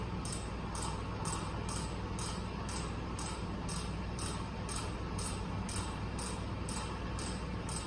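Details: Pneumatic shockwave therapy device for veterinary horse treatment in operation: rapid regular clicking pulses, about two per second, over a steady low hum.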